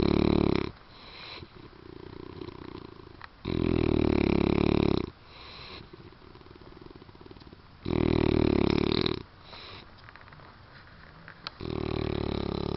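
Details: Man snoring loudly after a long drive and after drinking alcohol: loud, rough rattling snores on each breath, about 14 a minute, with quieter breaths between; heavy snoring.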